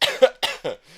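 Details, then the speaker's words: Adult on a podcast gives three short, dry cough bursts, a real cough that sounds fake; cough. "there you go i told you um it always comes on cue whenever i feel like i'm going to tell someone that i'm going to cough i actually do cough and it sounds like it's fake but it is real"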